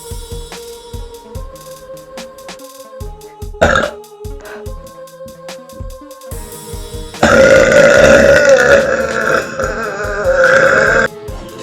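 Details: Girl burping several times, ending in one long, loud, drawn-out belch, with music playing in the background.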